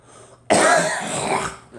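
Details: Adult coughing with an illness described as in the chest with a sinus infection, mentioning allergy and frequent sneezing; one harsh, forceful cough with a throat-clearing quality.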